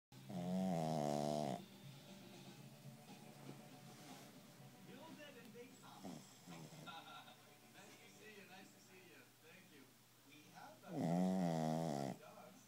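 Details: Shih Tzu dog asleep after a long walk in the park: two loud, low, rumbling snores about ten seconds apart, with quieter breathing and faint background sound between: snoring.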